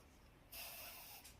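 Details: A small dog, possibly an elderly Papillon (the owner wonders whether age is the cause), gives a single sharp, hissing nasal snort or sneeze lasting under a second, with quiet room noise around it.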